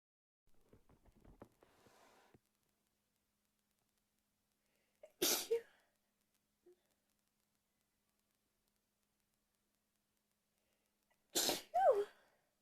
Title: three sneezes